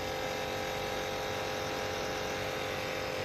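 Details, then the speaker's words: Percussion massage gun (Flow Pro, larger than the 800 g Flow Mini) running: continuous buzzing motor hum with rapid pulsing while stepping up through power levels 1 and 2 and beyond. "Oke tapi untuk power dia jauh lebih besar jauh lebih besar coba kita bedain ya ini level 1 lu lel du level"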